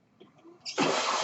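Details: Own mechanical ventilator of a podcaster born in the mid-1980s, heard while they talk; the sound of the ventilator running.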